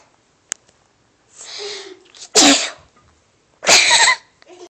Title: we wish you a merry christmas sneeze